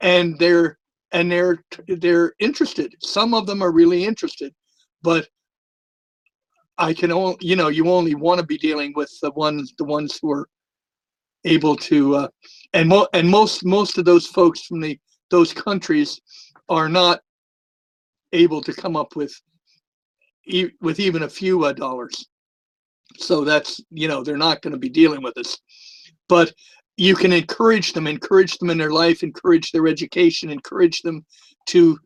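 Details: Long-standing stuttering with a lisp in a retired adult man; he says both are more noticeable with the microphone close to his mouth.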